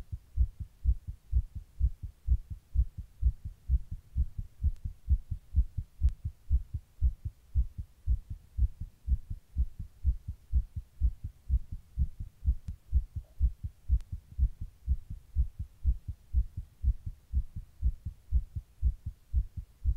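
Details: Own heart recorded while sitting in 100-degree heat during a heatwave: rapid, regular low heartbeats at about 125 a minute with no other sounds; fast heart rate (tachycardia).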